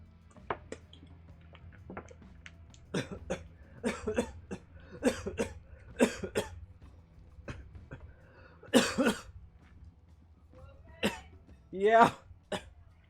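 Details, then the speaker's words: Adult coughing after aspirating water: a rapid run of about fifteen short coughing bursts and throat clears. "Just aspirated some water. You know how it goes."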